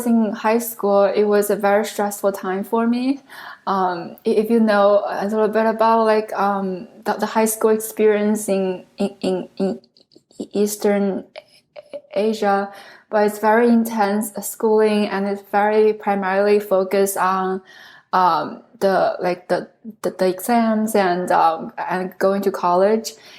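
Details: Adult woman who stutters, originally from China; stuttering.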